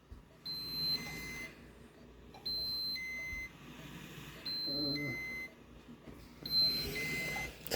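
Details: Home medical equipment of a 15-year-old with SMA, on her Spinraza treatment day: repeating high electronic beeps in short bursts about every two seconds over room noise, an alarm (ventilator or monitor) demonstrated by a parent.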